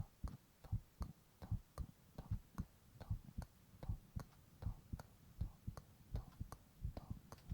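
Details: Man's own normal heart sounds, recorded while he whispers onomatopoeia.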